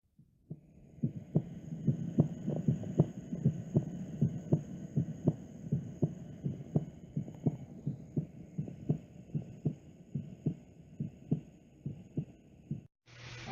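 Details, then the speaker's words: Normal heart sounds on stethoscope auscultation, following description of the mitral focus at the apex, fifth left intercostal space, midclavicular line; steady lub-dub around 95–100 a minute, S1 and S2 with no obvious added sounds. "ahora les vamos a dar una explicación de lo que viene siendo el primer ruido el primer ruido es lo que viene siendo el cierre de las vulas aurículoventriculares que son la tricúspide y la mitral"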